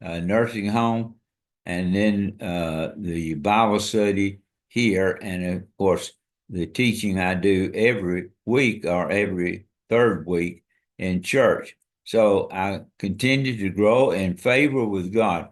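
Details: Dysarthria in an adult man with ALS diagnosed February 2024, after earlier diagnoses of Parkinsonism, Parkinson's disease, spastic paraplegia and primary lateral sclerosis; his speech and walking are failing, and hand use is limited.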